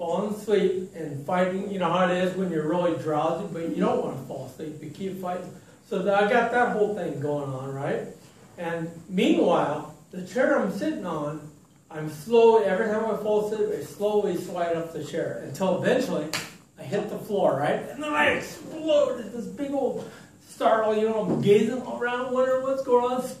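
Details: Adult man with ataxia diagnosed in 2003, balance difficulties since childhood, who says it has affected his speech; talk at an ataxia support group; ataxic dysarthria.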